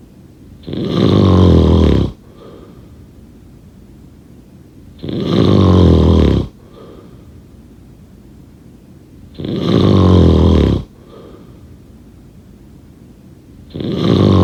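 Long, loud, rumbling snores on each in-breath, about 14 a minute, each followed by a soft out-breath; ordinary snoring.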